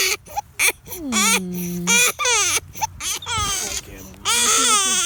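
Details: Two-month-old infant crying: repeated high-pitched wailing bursts with short breaths and brief whimpers between.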